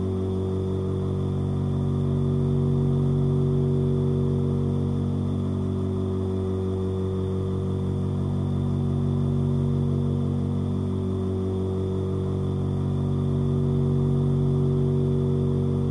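Steady low buzzing drone with a slow swell and fade: a nebulizer's compressor motor running continuously.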